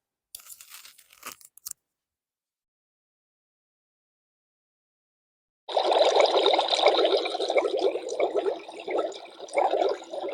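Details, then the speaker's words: Simulated tinnitus of the boiling-water type: continuous bubbling, crackling sound after a brief noise and silence, often after a cold, nose-blowing or allergy, suggesting mucus in the ear. "entonces a veces la gente dice no este tengo ahí como agua hirviendo como que me está la olla ir viendo"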